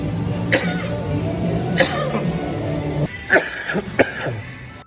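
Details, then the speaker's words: Adult with a dry cough lasting about a week: several short, dry, non-productive coughs, the first few over background music. "lihat tadi video gua batuk-batuk kering kayak gitu itu udah berlangsung semingguan lah"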